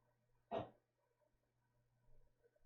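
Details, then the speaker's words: Sleeping dog snoring in a quiet room: a single short, rough snorting breath against a steady low hum. "By the way, you guys might hear my dog snoring."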